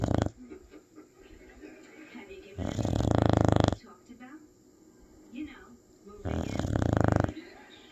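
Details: Female dog: two long, loud, rumbling snores with quieter breathing and faint voices between them; loud dog snoring.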